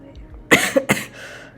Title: Coughing, Sick, and Dying 10 min Drawing Challenge